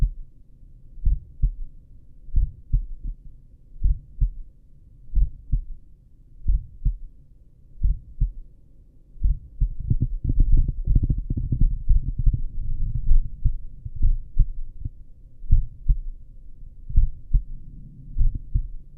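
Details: Own heartbeat recorded lying down with a stethoscope at the apex: slow, regular paired heart sounds at about 45–50 beats a minute, with brief rustling midway. Normal heart sounds with a slow rate.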